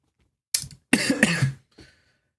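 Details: Person sounding sick, repeatedly clearing the throat while talking: one short cough, then a longer rough, voiced throat-clearing burst, with a faint breath after.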